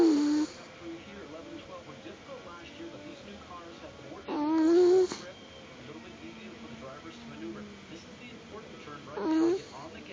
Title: Pancho, my snoring cat? LOL